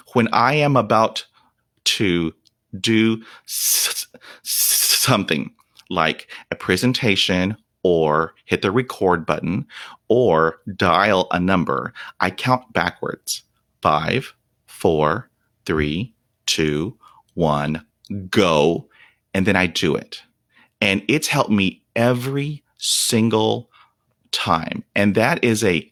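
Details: Stuttering in a 48-year-old man who has stuttered for 43 years, since a dog attack at age five left him at 0% fluency from shock/trauma; he reports blocks without breathing, trouble with S, H and P sounds, and facial tics; real, unedited speech.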